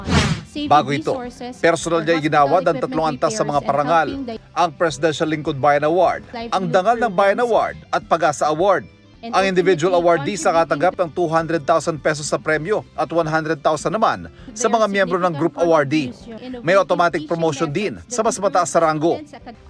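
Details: Adult news narrator; normal speech.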